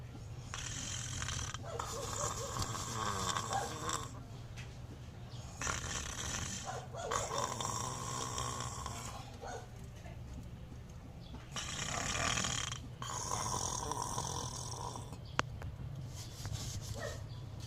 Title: SNORING DOG🐕